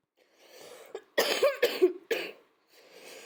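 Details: An adult who was sick gives a short run of about three harsh coughs over quiet background noise and music.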